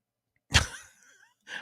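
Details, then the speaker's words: Puppy snoring in background of a live broadcast, described as the loudest snore, like a tugboat: sudden loud, low snorting rumble fading before another snore; snoring. "If you hear, it sounds like a tugboat going off in the background. It's my puppy. She's the loudest snore I have ever heard."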